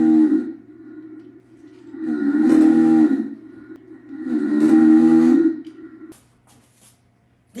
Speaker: you hear this it is awful you cannot sleep next to a person who snores in this manner